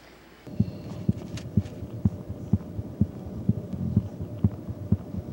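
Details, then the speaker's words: Stethoscope auscultation of a young girl in intensive care whose heart rate and blood pressure have been good overnight: steady, regular heartbeat about 125/min with normal heart sounds. "yeah sounds good yeah hear a difference yeah no yeah she's doing really well and uh her heart sounds good and her um heart rate and blood pressure have been really good overnight"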